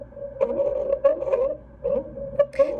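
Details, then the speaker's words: Stridor heard on stethoscope auscultation of a female patient's lungs: steady high-pitched inspiratory whistling with noisy breath bursts. The same patient had a barking, seal-like cough. "what strider sounds like when you auscultate the lungs okay now strider is an inspiratory wheeze that sounds like a whistling sound"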